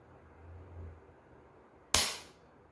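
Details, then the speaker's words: Quiet room, then one sharp hissing pop as a needle-free pressurized intradermotherapy pen (Mesodoctor, lever type) fires one unit into ballistic gelatin in a depth test. "fiz o disparo aguarde alguns segundos para elevar a caneta"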